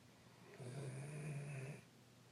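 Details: Doberman dog sleeping (captioned as a baby): a single soft, low, buzzing snore lasting about a second in a quiet room; mild snoring.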